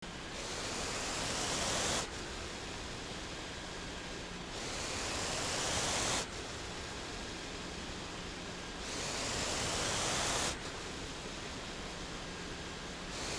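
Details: Mechanical ventilator sound from a home ventilator in daily use: rhythmic rushing airflow at about 14 breath cycles a minute with a steady low hum.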